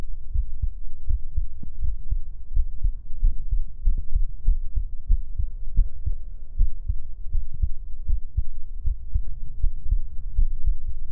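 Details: Normal heartbeat sounds, listened to through headphones.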